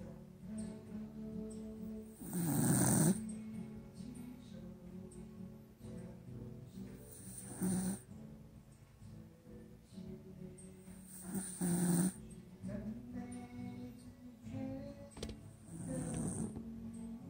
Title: Shiloh the beagle dog snoring